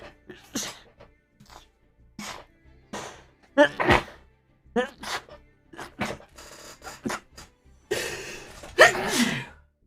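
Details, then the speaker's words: Man, a self-described multi-sneezer, possibly allergic: rapid run of sharp sneeze bursts with short breaths between, ending in a couple of loud, drawn-out sneezes; repeated sneezing fit. "I'm not going to cut that out cuz that is how I sneeze I'm a multi sneezer"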